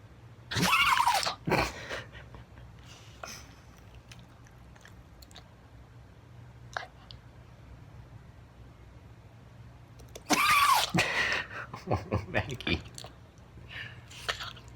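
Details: Sneezing fit in a 19-year-old rat terrier with past vestibular problems, held by owner, caught at its end: sharp, explosive bursts separated by a quiet pause.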